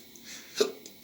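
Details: A single short, sharp voiced catch in a quiet room; a hiccup.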